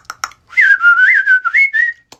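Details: Sudden short whistle with rising and falling pitch, a simple vocal tic in a person diagnosed with severe Tourette syndrome, with tics possibly beginning around age 6, plus motor tics, coprolalia, echolalia and autism.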